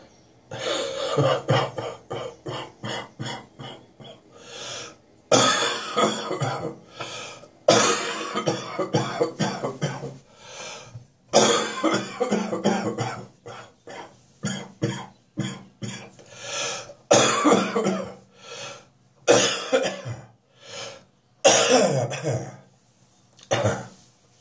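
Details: Adult with a lingering spring cold, coughing worse in the mornings: repeated fits of short, harsh cough bursts with brief pauses.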